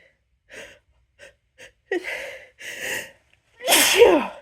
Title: loud, powerful, hitchy buildup sneezes